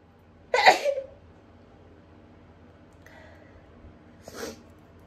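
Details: Person with autumn/fall allergies: a sudden stifled sneeze burst, a short quiet breath, then a second smaller muffled sneeze after build-ups; rapid stifled sneezes.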